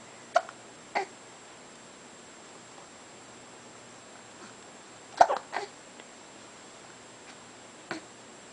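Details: 3-month-old infant hiccuping: soft, brief catching sounds at irregular intervals against quiet room noise.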